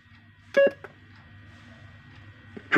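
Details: CPR training manikin control beeps while operating and print modes are selected and start is pressed: a few short electronic button beeps in a quiet room.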